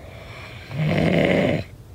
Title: SNORING SOUND